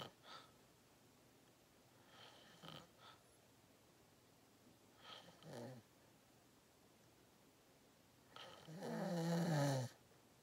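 Soft breathing noises building to one deep, rumbling snore on an in-breath near the end.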